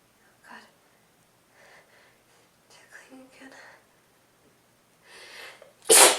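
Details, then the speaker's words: Sneeze from a person with a cold, runny nose and sniffles: several soft, breathy sniffs and catching breaths build up, then one sudden, loud, explosive sneeze. "I'm feeling pretty sneezy and sniffly today, so I thought you guys might like to hear it. Excuse me. I'm gonna sneeze again."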